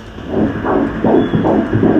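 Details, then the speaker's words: Fetal heartbeat at 13 weeks 3 days in a second pregnancy, head-down fetus moving well, during obstetric ultrasound: rhythmic whooshing pulses amid room hum, rate 158 bpm, within the normal 120–160 range. "O lea ua tatou vaai atu i le fatafata o le pepe ma le tata o le fatu, o e vaai atu i le tata o le fatu? (Fai) O lo'o tata le fatu O lo'o lelei le gaioi o le pepe"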